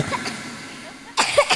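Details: Short, harsh cough burst from a young girl giving an enthusiastic religious speech (ceramah) to an audience, after a quieter moment; room noise and music behind.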